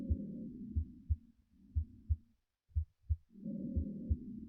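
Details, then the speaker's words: Simulated auscultation on a learning system with heart sounds switched on: normal heart sounds at about 60 a minute at the aortic area, heard together with soft normal breath sounds. "この状態で聴診しますと、心臓の心音が聞こえるエリアでは、心音と肺音が両方聞こえる。"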